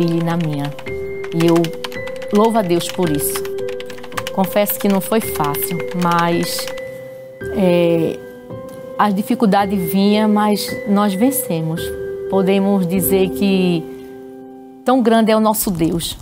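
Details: Adult woman speaking Portuguese, with background music; normal speech.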